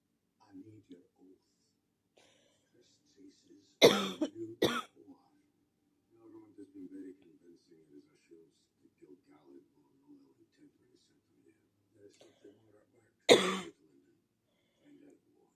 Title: a really bad coughing fit 😔